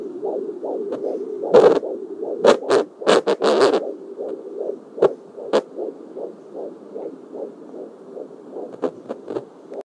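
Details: Home Doppler recording at 14 weeks 6 days of pregnancy: rapid regular whooshing fetal heartbeat near 160 a minute with crackling noise, possibly baby movement, mother lying still.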